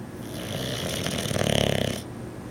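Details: 6-month-old male Boxer puppy snoring while asleep: a single loud, rattling snore fluttering toward the end of the breath.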